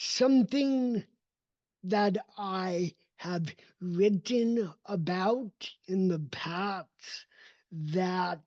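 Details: Adult male with cerebral palsy, a neurodevelopmental disability; his speech did not develop until age seven, after extensive speech therapy, and still needs ongoing training; real speech; dysarthria (cerebral palsy).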